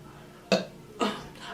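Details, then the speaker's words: Two short, rough, throaty burps half a second apart. The person says their stomach is full of liquid, then suspects food poisoning after a drink and calls a later one vomit. "Oh my God! Did y'all see that? Yes. Oh my gosh! There's so much liquid in my stomach right now."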